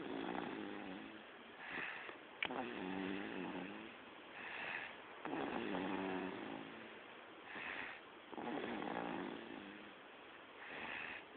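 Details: Baby girl snoring while sleeping: regular rattling snores on each breath in, about 20 a minute, with softer breaths out between; steady snoring.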